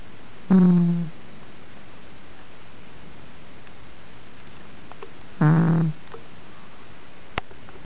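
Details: Snoring from a sleeping deaf white cat: two low, buzzing, semi-loud snores about five seconds apart, with quiet room sound between them.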